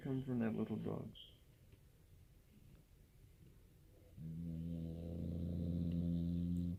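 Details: A brief voice, then a steady low droning snore from a dog taking a nap in a small room, loud enough to wake the house; snoring.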